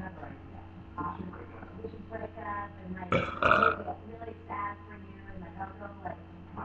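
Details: Really long burps: drawn-out, voiced belching with a loud burst midway, over low background talk.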